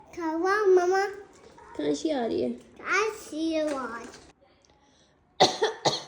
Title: How my toddler reacts to my cough …PLEASE SUBSCRIBE